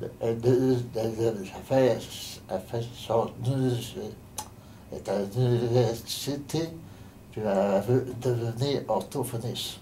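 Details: Adult man with aphasia following a stroke on 15 November 2009, member of an aphasia association; post-stroke aphasia.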